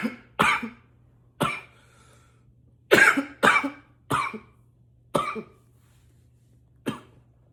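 About nine harsh, forceful coughs, some in quick pairs, with a faint hum behind; intense coughing.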